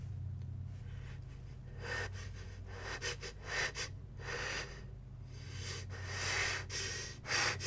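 Gasping build-up breaths followed by wet, explosive sneezes over a steady low hum. Repeated sneezing.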